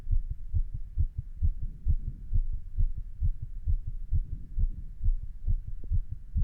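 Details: Steady, regular low heartbeat thumps with a faint background hum, recorded while standing and with a little exercise; normal heart sounds.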